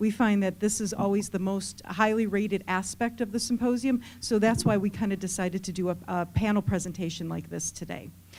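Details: Adult woman; typical speech.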